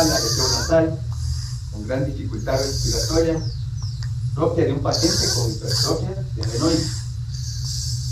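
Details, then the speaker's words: Stertor in a pediatric patient: noisy, low-pitched snorting breaths of nasal or nasopharyngeal origin, which the mother describes as breathing like a piglet. "es originado en nariz o castro fariña de tono bajo el paciente es cuando la madre refiere que respira como un marranito"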